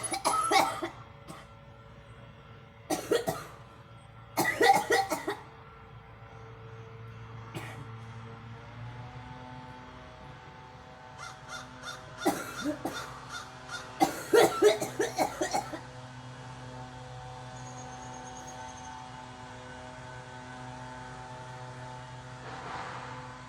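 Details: A girl coughs in repeated harsh bursts over soft, sustained background music.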